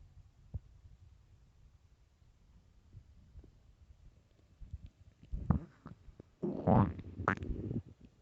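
Quiet start, then low gurgling rumbles building to a longer, louder growl: stomach growling from an empty stomach, a normal sound.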